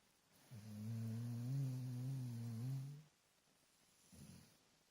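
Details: Sleeping dog: a long, low, droning snore of about two and a half seconds, then a softer breath; steady snoring.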